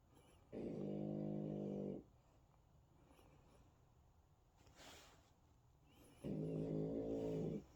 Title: Hunter the French bull dog snoring 😴